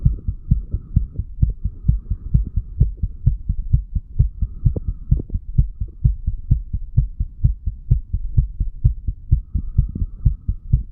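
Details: Heart sounds of a 35-year-old man after heavy alcohol intake, self-recorded by stethoscope a few hours after going to bed, moving from mitral to tricuspid area: steady, regular, fast low thumps at about 120–130/min, faint rubbing.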